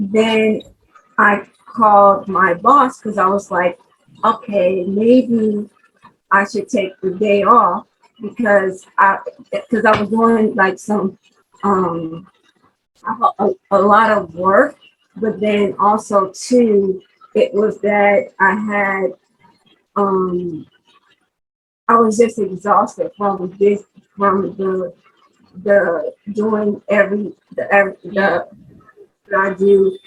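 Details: 43-year-old woman who had a stroke in 2020, lost the ability to talk and has had several speech therapists, real post-stroke aphasia.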